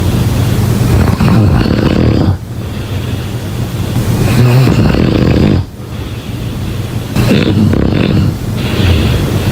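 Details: Snoring sounds during sleep.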